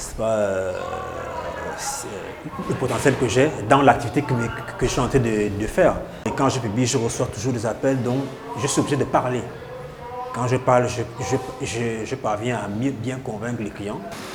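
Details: Adult Gabonese man with stuttering, treated over years (up to 15), severity reduced and now communicates easily; stuttering.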